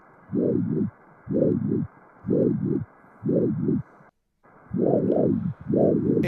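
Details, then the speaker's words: Hepatic (suprahepatic) vein Doppler ultrasound, subcostal view with diaphragm and liver: rhythmic whooshing pulses about 60 a minute, each double-humped, flow transmitting atrial movements; normal phasic hepatic vein flow. "fíjense este flujo Cómo transmite los movimientos auriculares es una subhepático está ahí el diafragma y el hígado"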